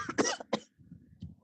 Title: Acid Trips Podcast #1 Drugs, Shitty jokes and Coughing